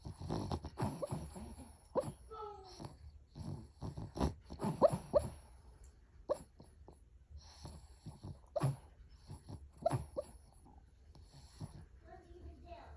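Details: Sleeping dog with irregular snorting, wheezy nasal breaths against noisy room background; snoring.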